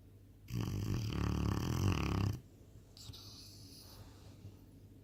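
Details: Presa Canario puppy asleep, snoring very loudly: a loud, deep, rattling snore on the in-breath lasting about two seconds, followed by quieter breathing.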